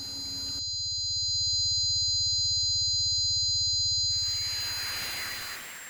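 Steady high-pitched ringing tones over a band of hiss recreate what one person's tinnitus sounds like.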